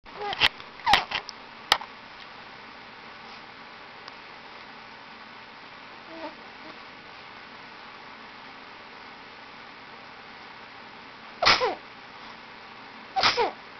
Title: Akina sneezing